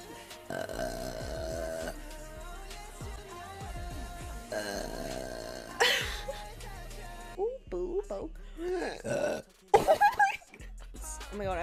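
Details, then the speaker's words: Woman burping: several long, deep, voiced belches over background music, with brief speech between them; repeated burping. "Burping. Burping. Oh my god."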